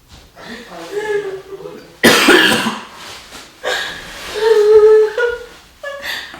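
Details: One harsh, forceful cough between stretches of talk, faked as part of a coughing-up-blood prank: simulated cough.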